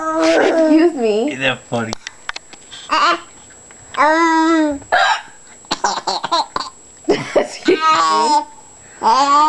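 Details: Sudden sharp hiccups from a mother, answered by her baby's giggles and belly laughs; ordinary hiccups.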